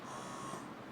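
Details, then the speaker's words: Plug-in, non-rechargeable double electric breast pump switched on and running, shown in a setup demonstration with suction and lactation modes and adjustable speed: soft continuous motor whir with a faint steady whine. "এই যে এটা on হচ্ছে এই যে আপনাকে দেখাই এই যে এটা চলতেছে"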